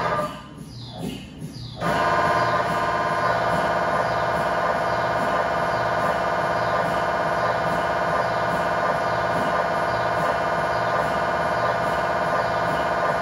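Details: After a brief quieter start, loud steady buzzing and rapid knocking, about 200 pulses a minute, from an MRI scanner during a test tibia/fibula (lower leg) scan with a GE high-definition lower-extremity coil (stated as 8- or 16-channel), in a controlled environment.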